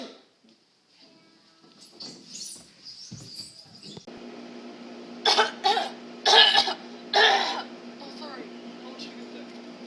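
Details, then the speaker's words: Four loud, harsh bursts, coughs or sneezes, against steady background hum after some quieter sounds; deliberately improper coughing and sneezing. "improper sneezing and coughing is a serious problem because of the acts that have been done six children in Africa are now dead please if you feel the need to sneeze or cough do so properly save the children in Africa"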